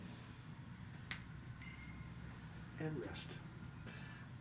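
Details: Single sharp click of joint cavitation during a chiropractic toe adjustment on a female patient, part of a full-body manipulation demonstration, over quiet room noise and followed by brief voice sounds.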